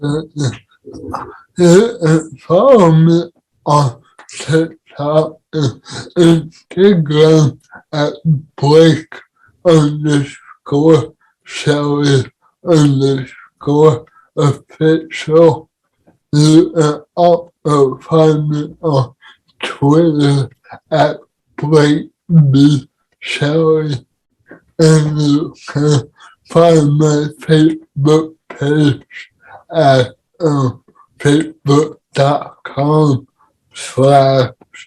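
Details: Dysarthria in a man with cerebral palsy, speaking in a podcast conversation about living with CP.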